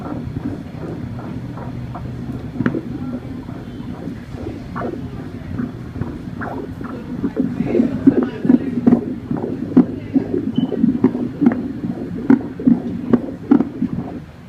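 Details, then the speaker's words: Fetal heartbeat on Doppler at 34 weeks of pregnancy: rapid rhythmic whooshing pulses, about 140 per minute, over machine noise, a normal fetal rate; baby in a seated position. "Mas heartbeat. Pakinggan natin."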